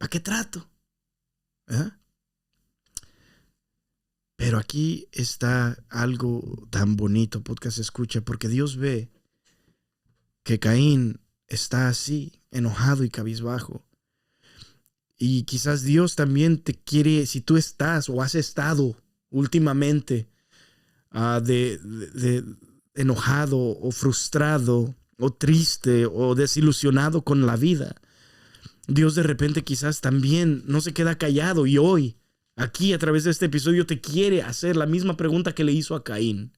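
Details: Spanish-speaking man who stutters, saying it worsens after breaks from recording and was worse on earlier takes than now; stuttering.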